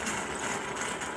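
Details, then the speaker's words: Electric hospital-grade baby nasal aspirator with 9 suction levels, set to the highest level and suctioning water in a demonstration: steady buzzing motor hum with hissing suction noise. "Let's bring it up to the highest level and see how fast it suctions up this water right here."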